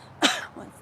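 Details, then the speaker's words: A single short, sharp adult cough with a brief softer tail in a quiet room; an isolated dry-sounding cough, described by the speaker as a recurring coughing thing. "my coughing thing happening? It's weird when it does that."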